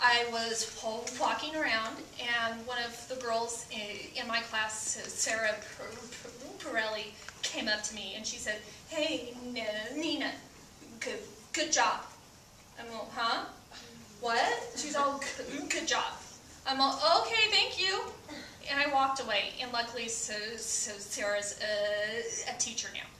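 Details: Adult woman who stutters, a stand-up comedian, telling a story during a stand-up performance; stuttering.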